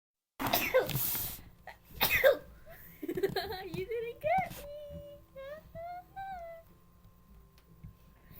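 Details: Two forceful sneezes close together, followed by sniffling and a few soft vocal sounds; sneezing.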